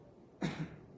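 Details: Single short, dry voluntary cough on request during a manual muscle test of trunk flexion, used to check rectus abdominis contraction.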